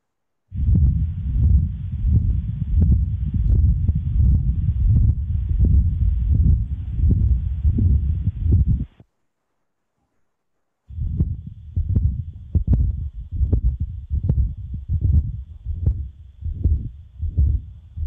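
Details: Continuous murmur of patent ductus arteriosus, played in a teaching case.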